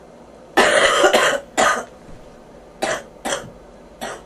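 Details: Bronchitis cough from a person with fever and popping ears.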